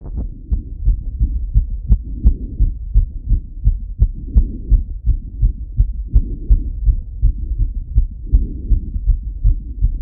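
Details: Male lying on his left side, heart auscultated with a stethoscope: fast, regular heartbeat at about 170 to 180+ beats a minute, marked tachycardia.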